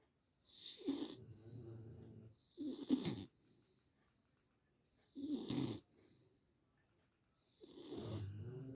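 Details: Sleeping beagle snoring: snorting, rattling snores, some with a whistling note, about four irregularly spaced breath sounds in a quiet room.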